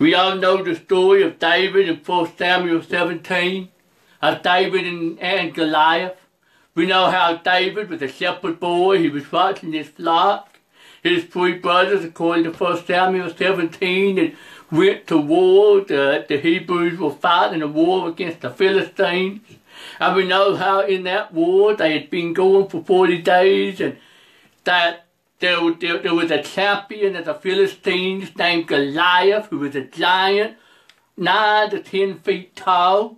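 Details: Preacher who says he has a speech impediment, along with other disabilities including trouble seeing and hearing and being unable to drive; speech impediment.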